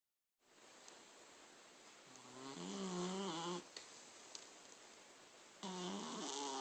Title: My snoring cat